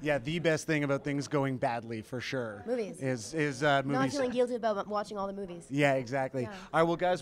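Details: Adult speakers in casual conversation; Normal conversational speech.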